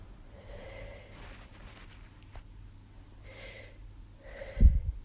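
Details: Person who suspects allergies or an illness, with sore throat and headache: quiet strained breaths with catching inhalations, then soft sneeze-like bursts, the last followed by a thump; repeated sneezing.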